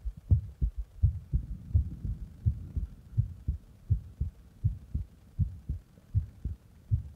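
Steady low lub-dub heartbeat at about 80 beats a minute, with soft rustling noise between beats.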